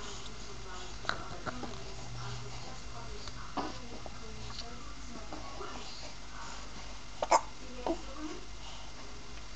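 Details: Hiccups in a 2-month-old baby girl who has frequent hiccups.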